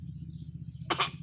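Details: Child voluntarily imitating a cough while learning the action, during the COVID-19 pandemic: a single short, forced cough over a low steady background hum.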